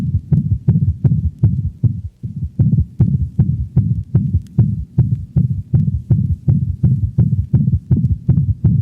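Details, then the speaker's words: Dog in heart failure: fast, loud heartbeat with a loud murmur followed by a low-frequency thud, an audible third heart sound (S3 gallop) that can be confused with the second sound. "listen to the next recording of a dog in heart failure the third heart sound is a low frequency sound that gives the impression of a thud after the murmur"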